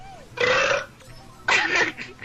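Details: Two loud, drawn-out belches, each under half a second, from a player during a Mario Kart Wii online game, with faint game music behind; burping.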